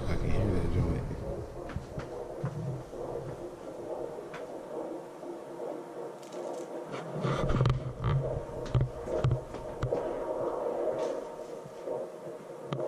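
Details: First time hearing this baby's heartbeat on Doppler, after the first doctor couldn't find it: muffled hiss gives way to a quick, rhythmic whooshing pulse; fetal heartbeat on Doppler.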